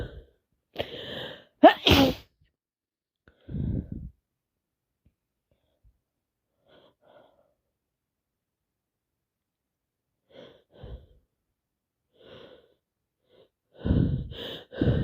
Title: Part 3 allergies and cold non stop sneezing, sit with me as I sneeze 🤧